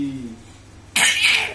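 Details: Excited infant girl giving a soft vocalization, then one sudden harsh, airy cough burst.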